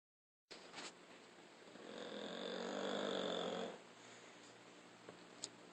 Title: Snoring Bulldog